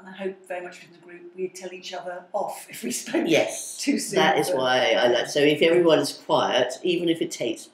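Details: Adult speaker; typical speech.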